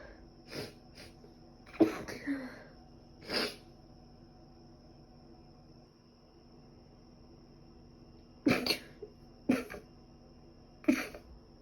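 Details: Several short, sharp sneezes, some in quick pairs, over a steady hum; from a two-day sneezing record thought probably due to dust allergy, alongside a recent cold with ongoing cough and runny nose.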